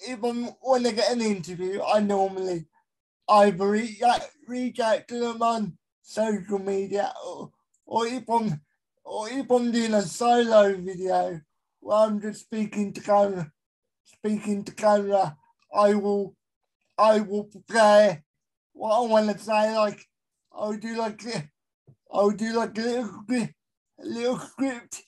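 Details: Adult male with a severe type of cerebral palsy; dysarthria (cerebral palsy).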